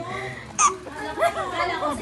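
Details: Baby, one of triplets, with hiccups while with mommy: a single sharp, high hiccup sound followed by light laughing and voices.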